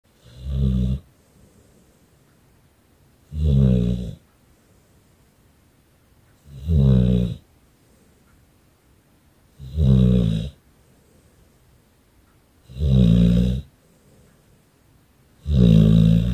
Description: Victor our #staffy #bullterrier #snoring